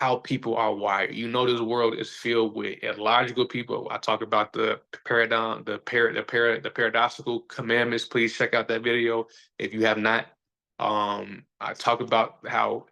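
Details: Adult man who says he stutters and that everybody sees or hears it; stuttering.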